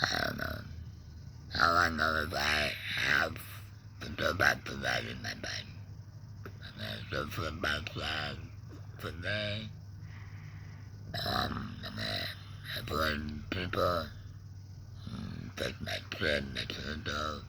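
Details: Adult man with a laryngectomy after cancer (tongue cancer tagged), breathing through a neck stoma, with ongoing tongue pain and depression; alaryngeal speech after laryngectomy.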